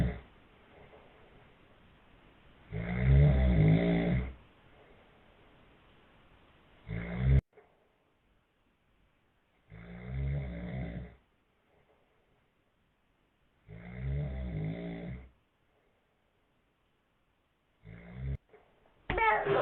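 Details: Dad snoring loudly while asleep: deep rattling snores repeating about every four seconds with quiet pauses between breaths.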